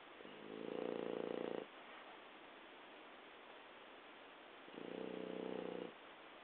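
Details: Adult French Bulldog asleep, giving two low, rattling snore bursts on inhalation: stertor. The owner says the snoring was very loud as a puppy and became quieter breathing with age.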